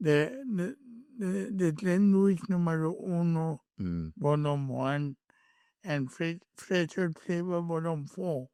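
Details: Adult male born with cerebral palsy, with a head injury from a car accident in June 2000 that affected his speech, walking and left-ear hearing; dysarthric speech.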